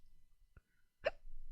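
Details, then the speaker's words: Adult woman with hiccups during a live stream after drinking alcohol since morning: two brief, abrupt voiced gulping catches about half a second apart, quiet room noise between. "I got hiccups people clip me and put me on YouTube for my hiccups"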